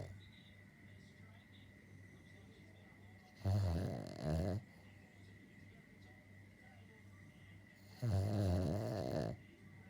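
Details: Dog snoring: two long, low, rattling snores about five seconds apart over a faint steady hum.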